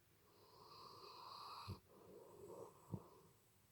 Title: Turn vol up to 100 to hear this snoring dog